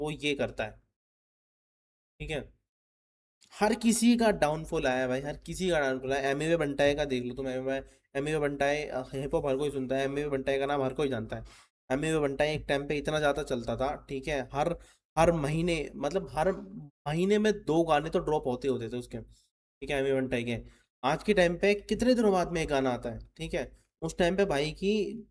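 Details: Male, self-identified person who stammers, speaking in his own commentary with word repetitions; stuttering.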